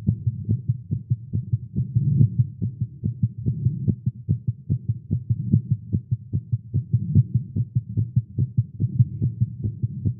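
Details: Male's fast, thumping heartbeat at roughly 140 beats a minute, slightly uneven spacing, recorded live after exercising with caffeine; tagged irregular heartbeat; tachycardia.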